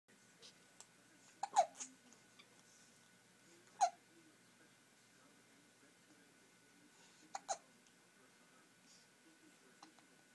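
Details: Baby boy held by an adult, with hiccups: three sharp hiccup bursts over about ten seconds, with soft babbling and breathing between; hiccups.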